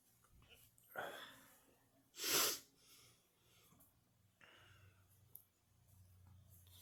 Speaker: well i started sneezing i got the last one in the last one three times in a row